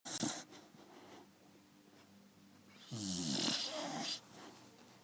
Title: Snoring Beagle